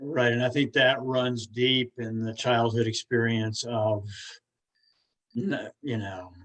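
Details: Stuttering in an adult woman who stutters, a stuttering support group leader.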